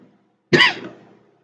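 A single short, soft cough from a child, deliberately acted as a quiet cough.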